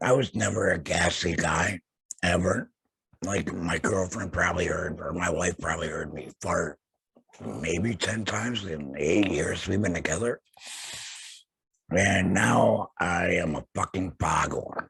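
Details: Adult male laryngectomee after throat cancer, vocal cords removed, who mentions using a tracheoesophageal voice prosthesis; alaryngeal (tracheoesophageal) speech after laryngectomy.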